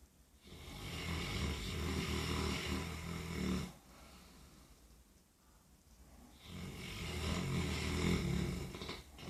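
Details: Deep, rumbling, fluttering snores on slow inhales from a sleeping dog, with a quieter breath between; ordinary dog snoring.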